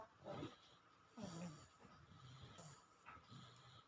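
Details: A sleeping baby: soft, low, rattling snorts with each breath, roughly every second or two, with faint room noise; infant snoring.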